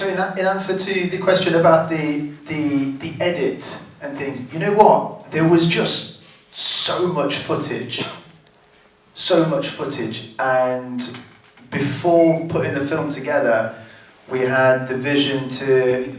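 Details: Adult living with a stammer, one of six people who underwent vocal training for a music project, speaking at a Q&A; stuttering (stammer).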